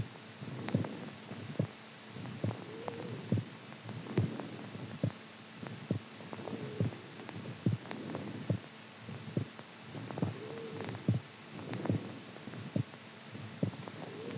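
Soft, steady low thumps at about 70 a minute under a faint hum. A regular heartbeat.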